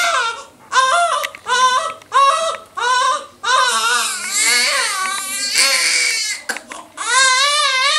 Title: Newborn baby crying for mother milk ❤ II Shreyansh Talk